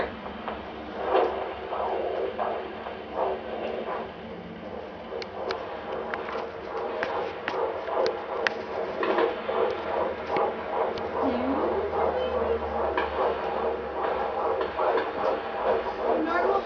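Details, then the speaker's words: Fetal heartbeat on Doppler during pregnancy: rapid whooshing pulses at about 150 a minute, judged strong and good, with part of the mother's heartbeat also heard, making it sound a little odd: normal fetal heartbeat. "heartbeat. Sounds good. That's awesome. Part of the reason why it sounds a little weird is you hear part of your heartbeat and you hear that baby's heartbeat."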